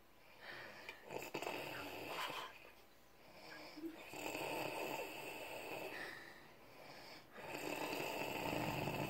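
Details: Adult man snoring: loud, rough breathing noise in repeated sleep breaths, three long snoring pulls in about nine seconds.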